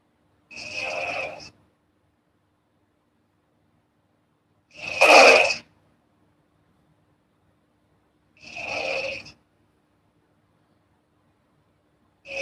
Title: snoring girl asmr4